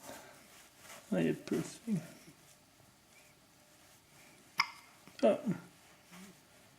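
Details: Baby girl with hiccups after breast milk: short abrupt catching sounds in clusters, with a parent talking gently nearby.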